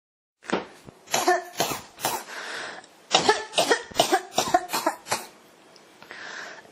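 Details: Persistent cough that won't stop, recorded as ASMR: repeated bursts of harsh coughing, about a dozen coughs in quick runs with short breaths between.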